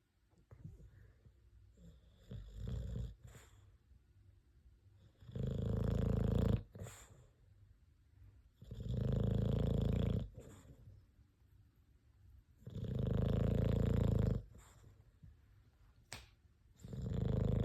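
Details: Cat snoring while asleep, recorded October 2023: loud, low rumbling snores about every four seconds, roughly 15 breaths a minute, with quiet gaps between; ordinary snoring.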